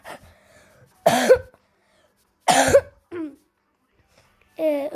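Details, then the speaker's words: Person who says they are sick gives two loud, harsh single coughs about 1.5 seconds apart, with brief voiced sounds after them, in a quiet room, then apologizes for being sick. "özür dilerim arkadaşlar. Hastayım."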